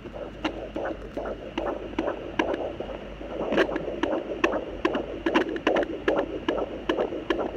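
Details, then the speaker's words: Fetal heartbeat of a baby girl, recorded by the pregnant mother with a home fetal Doppler while the baby kicks. Rapid, regular whooshing pulses at about 145 beats a minute. "that's our heartbeat I love hearing it"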